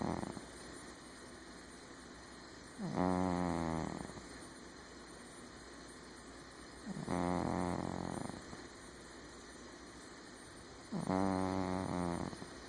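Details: Three rattling snores on each breath in, about 15 a minute, over a steady background hiss: a cat snoring.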